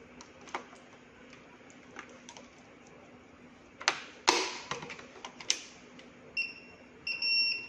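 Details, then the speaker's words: Syringe pump end-of-infusion alarm: scattered clicks and handling noise, then a repeating two-tone electronic alarm as the syringe runs out. "وقال لي ان هو انتهى، تمام."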